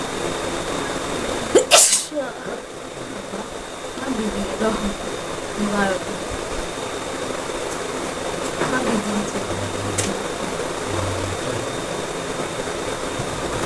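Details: One sharp sneeze burst during a sneezing challenge between a parent and son, then quiet voices over steady background noise.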